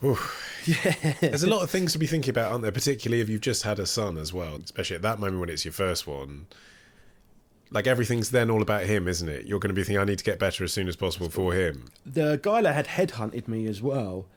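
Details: Adult male speaker; typical speech.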